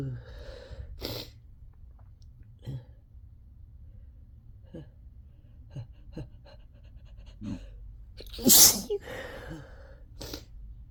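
A run of sharp, explosive sneezes, about six in ten seconds, with sniffs and gasping breaths between them. This is a sneezing fit.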